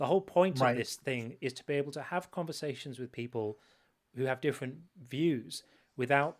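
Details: Adult male speaker; Normal speech.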